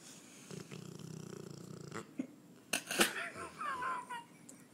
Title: English Mastiff "LiL Largo" Snoring